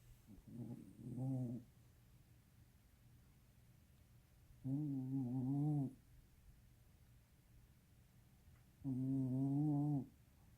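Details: Sleeping animal recorded 14 July 2017: three drawn-out, buzzing, wavering snores about four seconds apart with quiet pauses between; snoring.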